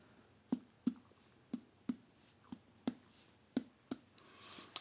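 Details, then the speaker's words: Abdominal percussion demonstration: eight quick, hollow taps across the abdominal quadrants, giving the normal tympanic percussion note of the abdomen. "okay so that's just general percussion we're checking for the percussion note for normal sounds of the abdomen which are again not resident tympanic tympanic"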